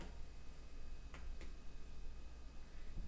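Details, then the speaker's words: Abdominal percussion across the quadrants, ending in the left lower quadrant, of a supine person during a physical assessment: two brief soft taps giving a hollow, normal tympanic note. "the left lower. And we hear it's the panic and it's normal."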